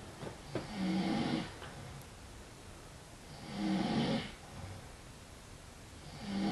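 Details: Man snoring while insisting he is not asleep: rough, fluttering snores on each breath in, roughly 22 breaths a minute, with quiet gaps and faint room noise.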